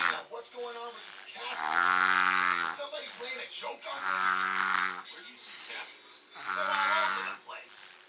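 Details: A baby's loud snoring: three drawn-out, voiced, rumbling breaths in eight seconds, with quieter breaths between them.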